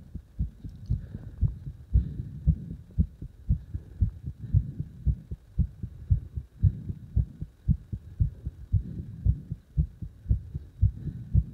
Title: 拍動強い心臓の音